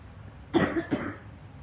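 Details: Two quick, harsh coughs in close succession from an adult with asthma, a former smoker who quit about five months ago, during a severe acute respiratory illness with exhaustion and little eating.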